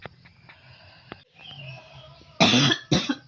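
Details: Two loud, harsh adult coughs from the recorder's mother in the background, following a stretch of quiet room noise; cough.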